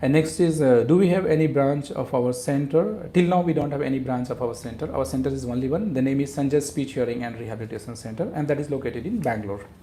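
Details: Adult man speaking; normal adult male speech.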